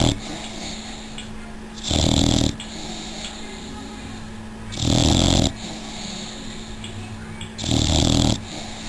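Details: 6-month-old Old English Bulldog snoring in her sleep: three loud, rasping snores at steady intervals, about 21 a minute, with quiet breathing between.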